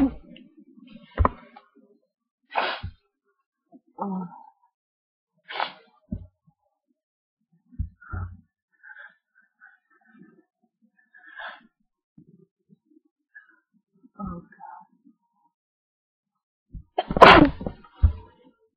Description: I was asked to sneeze into a duster, so here's a short clip.